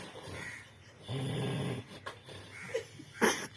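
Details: A dog snores with a low, rattling inhaled snore, followed by quieter breathing and soft snorts.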